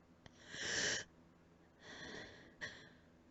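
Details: Two soft, breathy coughs with a hissing breath between, a quiet dry cough attributed to allergies; allergic cough.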